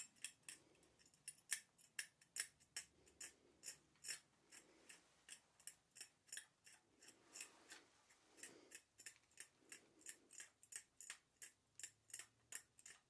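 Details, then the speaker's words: Simulated ASMR dental role-play with a nervous patient given anaesthesia: quiet, rapid sharp metal clicks and scrapes, about two per second, as a dental hand scaler picks and scrapes off a large area of scale during a deep cleaning. "here you're doing really well getting a lot of that big scale off"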